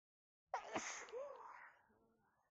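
One sudden, forceful sneeze with a voiced burst that trails off into a soft breathy tail.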